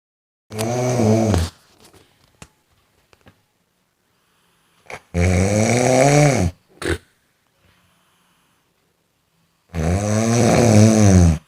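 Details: Loud, rattling snores about every four to five seconds, roughly 12 to 13 per minute, with quiet pauses between: snoring sound effect.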